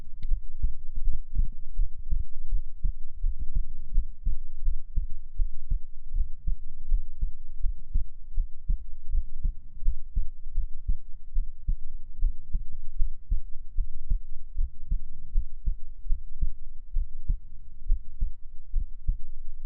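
Steady, regular low thumps of a resting heartbeat in paired beats, about 70 a minute, with a faint low hum.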